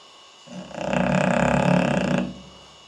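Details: English Bulldog snoring and snorting while asleep, recorded with night-vision camera: one long, rough, rumbling breath noise lasting nearly two seconds, typical flat-faced dog snoring.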